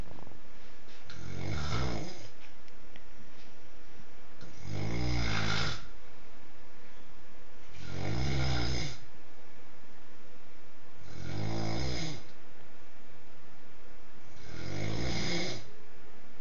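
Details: Very loud snoring: five low, rattling snores about every three seconds (about 18 a minute) with quiet breathing between; snoring.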